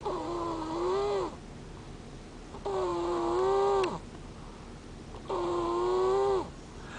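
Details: Female asleep in a car, snoring: three long, tonal, moaning snores on each breath, about 23 breaths per minute, with a musical, groaning quality rather than plain rattling.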